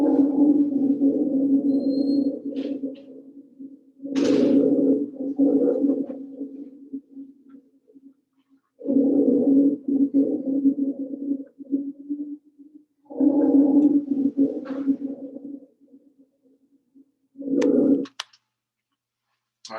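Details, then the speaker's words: Low-pitched rumbling, snore-like sounds on both inspiration and expiration, played as a lecture example of rhonchi: air rushing past thick mucus or fluid that coughing may clear. "that was more like a rumbling sound compared to the whistling that we heard before"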